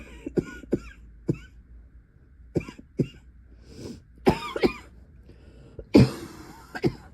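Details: Adult woman with a persistent night-time cough attack lasting most of the night, coughing into her pillow; repeated short, muffled coughs and throat clearing in an irregular series: cough.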